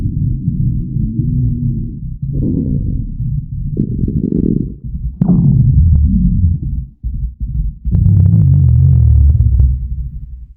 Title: Hungry stomach growling sounds for videos 😋🥪